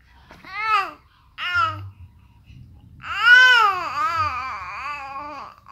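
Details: Fussy baby crying: short fussy whimpers, then a longer rising and falling cry with quiet gaps.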